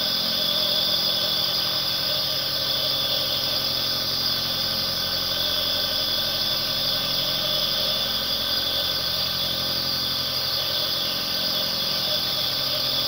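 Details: Nebulizer (aerosol) compressor running continuously, one-hour recording for relaxation and sleep.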